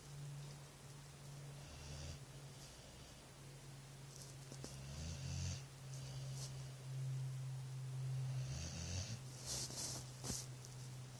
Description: My dog is asleep and snoring